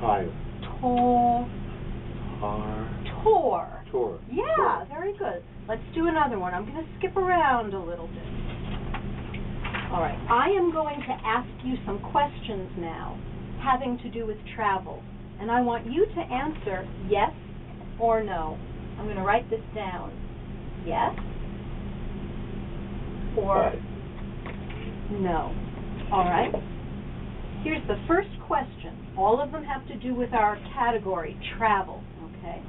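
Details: Adult speaker in a speech therapy session; ordinary speech.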